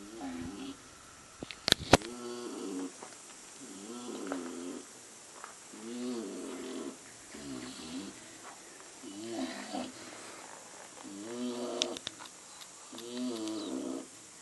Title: What a complete snore